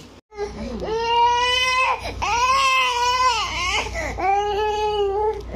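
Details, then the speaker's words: Infant, ill for days with cough and colds, crackles on the left lung, breathless, possible pneumonia and asthma, wakes and cries painfully: loud, sustained, high-pitched wailing in long cries with short catches of breath; infant crying in distress. "nagising si baby dito tapos ang sakit ng iyak niya Hindi ko alam yung gagawin ko"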